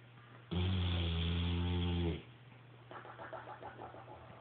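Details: Sleeping French Mastiff–Bullmastiff mix dog snoring: one long, loud, low rumbling snore followed by quieter breathing noise.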